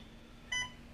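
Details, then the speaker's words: Single short electronic beep in a quiet hospital room from an infusion machine signalling that a blood transfusion is complete, on day one after a left total knee replacement; an infusion pump alert beep. "I'm laying in my bed listening to a machine beep it says transfusion complete"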